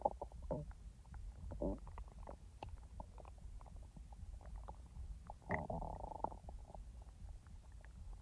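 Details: A person's own real stomach sounds, recorded not in real time: low gurgling and bubbling rumbles with scattered clicks from the abdomen, normal active bowel sounds (borborygmi).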